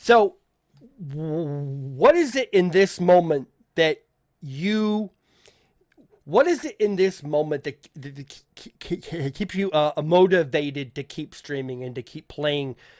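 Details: Adult male podcast host who says he stutters, with listeners in voice chat often asking him to repeat himself; stuttering.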